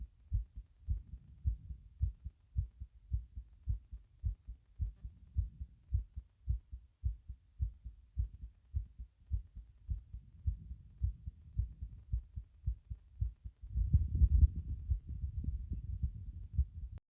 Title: Heart sound standing up mitral